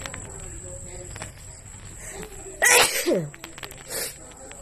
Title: Wide Nose Sneezes Philippines.